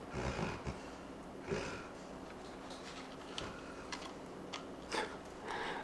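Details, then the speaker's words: Sleeping puppy snoring: low, rough rumbles recurring irregularly over faint room noise and light rustling. "oh the puppy fell asleep he is snoring I'm so sorry if you can hear that he seems to be really comforted by the sound of my voice"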